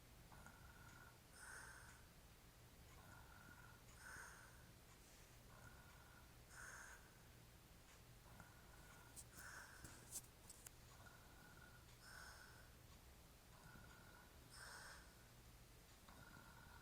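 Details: Rhythmic rough breathing in sleep, about 23 per minute, over steady room hum, from a hairy-chested man described as drunk; snoring.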